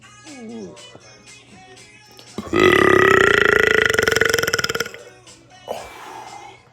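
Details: Deliberate burping by a man: one long, loud, buzzing belch lasting about two seconds, with soft music and brief voices in the background.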